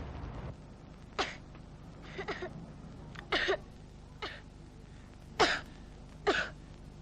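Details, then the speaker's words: Child acting in a television advert for Vinos cough medicine, for chesty or tickly coughs, coughing at night in bed: six short, separate coughs over about seven seconds. "What you need is some Vinos. Vinos quickly soothes chesty or tickly coughs."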